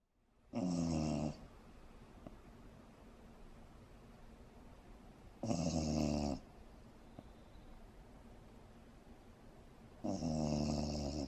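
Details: Snoring in a resting dachshund (Teckel): three loud, buzzy, rattling snores about every five seconds, roughly 12 a minute, with quiet pauses between them.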